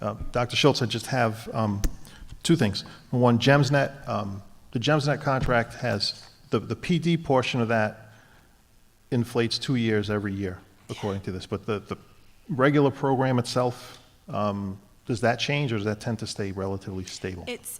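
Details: Adult man speaking; normal voice.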